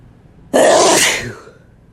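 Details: A single loud, explosive sneeze with a sharp burst of air fading over about a second in a quiet room, from a sneeze compilation; a sneeze.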